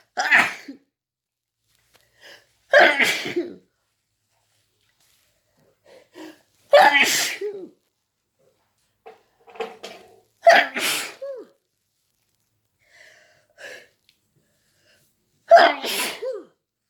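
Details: Person feeling sick, woken in the middle of the night sneezing: five loud explosive sneezes a few seconds apart with sharp breaths between; intense rapid sneezing fit.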